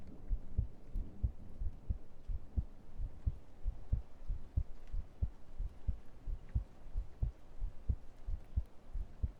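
Steady low thumps of a heartbeat at about 90 beats a minute, with faint room hum; an ordinary heartbeat.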